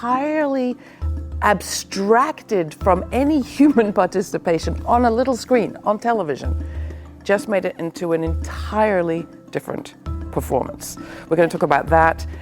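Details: Adult woman speaking; ordinary speech.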